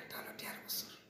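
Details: Adult patient (age given as 29 or 32), bidi smoker and paan chewer, voice normal until six months ago, with ear pain, throat pain and weight loss; biopsy-diagnosed vocal cord tumour causing hoarseness.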